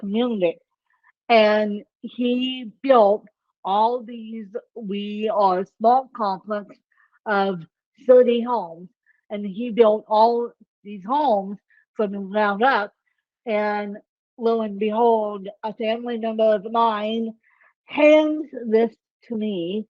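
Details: Ataxic dysarthria in an adult woman with ataxic cerebral palsy; the speech impairment type is not explicitly named.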